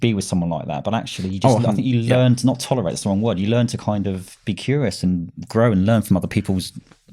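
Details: Adult man; normal speech.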